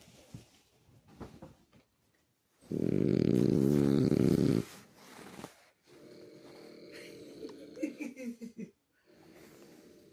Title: Sleepy dog. Snoring